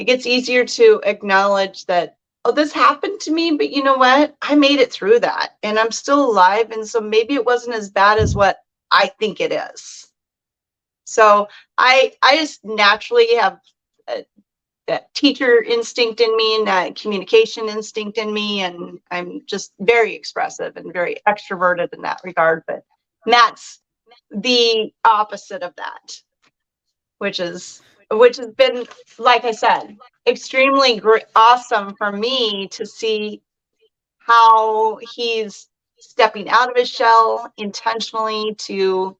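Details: Adult speaker; normal speech.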